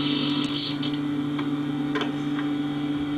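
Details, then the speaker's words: Dental lab vibrating post settling vacuum-mixed artificial stone for a sectional crown model: steady low mechanical hum with faint ticking; dental lab vibrator hum. "We give the material a bit of a vibrate on the vibrating uh post."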